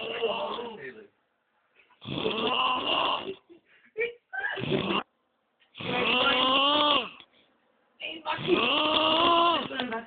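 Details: Loud, rough, drawn-out snores with a whining, voice-like quality, in bursts separated by quiet pauses; snoring.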